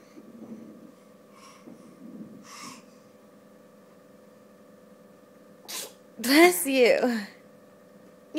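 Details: A single sneeze from a little girl: a sharp burst of air, then her voiced sound, in a quiet room with soft adult murmurs; sneezing.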